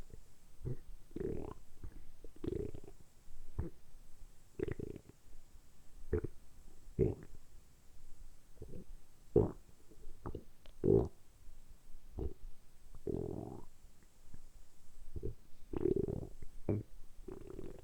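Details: Borborygmi: repeated short gurgling stomach rumbles about one or two a second with some longer growls, deliberately produced for an ASMR recording; ordinary stomach rumbling.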